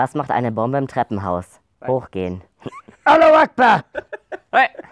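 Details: A person with Tourette syndrome speaks German after inhaling helium, and the vocal tic 'Allahu Akbar!' is interjected; vocal tic (Tourette syndrome).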